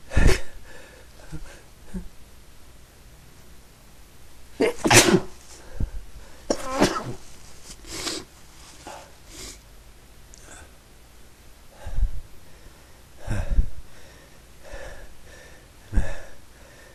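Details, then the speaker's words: Several loud sneezes in a row from an adult sneezing repeatedly all day and night, each a sharp burst after a brief intake of breath, separated by quieter breathing and room noise; repeated sneezing. "I'm not done yet I'm to sneeze again excuse me I sneeze all night"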